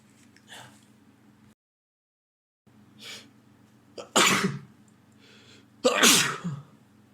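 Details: Man who sneezed repeatedly all day at home; partner hopes he is not getting a cold again. Softer sniffs, then two loud explosive sneezes, each after a sharp in-breath, over low room hum.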